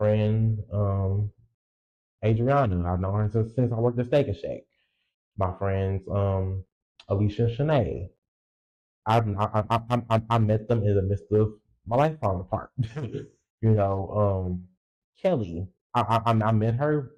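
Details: Adult male podcast host who says he has a speech impediment and has stuttered his whole life, stuttering left unedited; stuttering.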